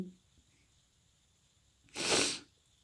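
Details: A female gives a single sharp, hissing sneeze after a quiet pause, lasting about half a second.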